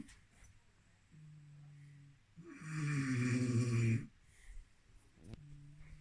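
Low, rumbling snores on the breath cycle, one long loud snore between softer ones, heard in a quiet room.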